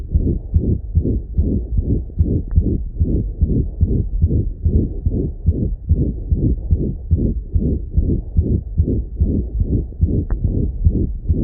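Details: French Bulldog with congenital pulmonic stenosis: rapid heartbeat about 146 a minute with a harsh whooshing murmur filling the beats.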